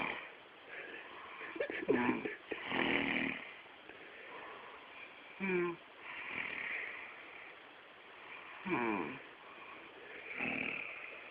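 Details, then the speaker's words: Dad recorded snoring as one of a snoring couple: rough, fluttering snores at irregular intervals against low room hiss; snoring during sleep. "Recording you so you can hear what you snout."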